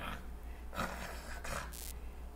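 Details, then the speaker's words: Pulmonary fibrosis: fine crackles, like hairs rubbing together, arising over the fibrotic areas during inspiration. "ele tem muita chance de fazer aquele som de fios de cabelo se atritando o crep extor Fino que ele vai acontecer exatamente nas áreas em que essas fibroses quando ele insira ela se arranha entre si e aí durante a respiração acontece"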